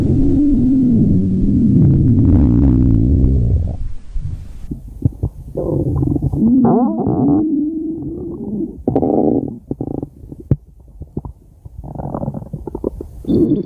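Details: Stomach growling (borborygmi): long, loud gurgling and rumbling with rising and falling groans and bubbling pops.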